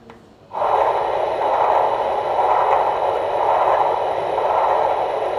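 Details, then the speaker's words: Doppler of a well-matured AV fistula's feeding radial artery, diameter increased to 4.6 mm: continuous loud whooshing with gentle pulsing, good flow through systole and diastole, triphasic; Doppler flow in feeding artery of AV fistula. "there's a good flow in the systole and the diastole there's a hole the flow is uh the blood is flowing in the systole in the diastole there's a triphasic flow nice calibred radial artery"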